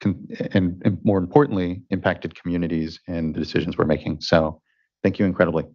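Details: Adult man speaking; Ordinary speech.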